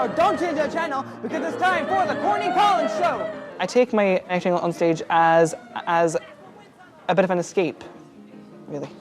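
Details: 28-year-old man from London who stammers and has avoided the phone; stuttering.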